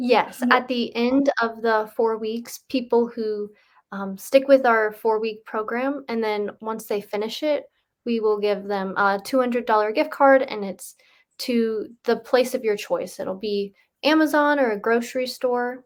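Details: Adult woman speaking; normal speech.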